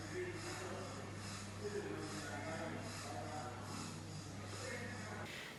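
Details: Surgical suction pump running at maximum pressure while filling a collection container. Steady motor hum with rhythmic pulsing and gurgling, a normal working sound.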